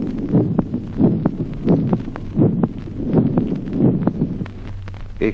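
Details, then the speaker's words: Physiological third heart sound audible in youth, teaching recording: regular heartbeat near 90 a minute with a soft, low extra sound after the second heart sound. "Ejemplo 19. Tercer ruido cardíaco audible como hallazgo fisiológico en la edad juvenil."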